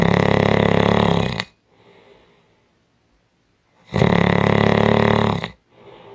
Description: 5 Minute Audio clip of Strong Snoring